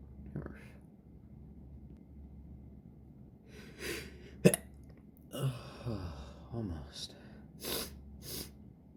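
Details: Adult with an irritated nose in summer: quiet room, breathy build-ups and false starts, then a sharp sneeze and several more short bursts; repeated sneezing.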